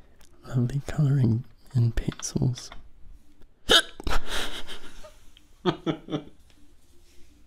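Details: Brief speech interrupted by sudden sharp gulping catches of breath while attempting to record ASMR; hiccups.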